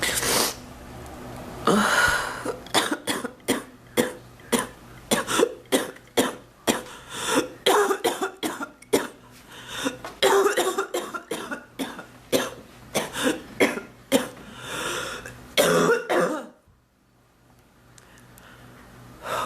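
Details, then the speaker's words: About two dozen harsh coughs in close succession with throat-clearing between, over roughly sixteen seconds; persistent cough in an adult woman who says it is not improving, mentions bronchitis and chest discomfort. "Oh. The house is a mess. I have a cough like this."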